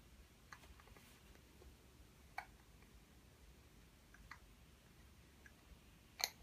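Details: Hiccups.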